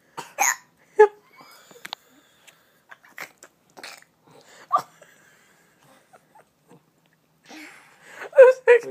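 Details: Short, sharp voiced catches recurring at irregular intervals in a quiet room, separated by silence; hiccups.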